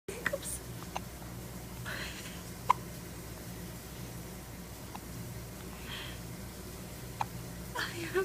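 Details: Baby boy of half Persian, half Chinese descent with hiccups: soft breathing in a quiet room with about four or five sharp, brief clicks at irregular intervals.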